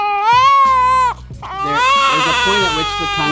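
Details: Newborn boy at his first doctor's visit: loud, strong, high-pitched crying in two long wails with a breath between, during a mouth and tongue check for feeding latch difficulty (minimal tongue-tie); normal vigorous cry.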